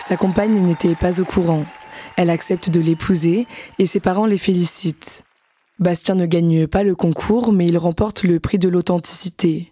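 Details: Adult narrator; normal speech.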